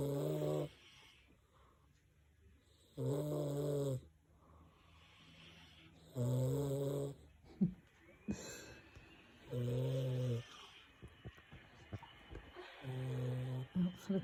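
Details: Loud rattling snores about every three seconds with quiet pauses between, during deep sleep; ordinary snoring.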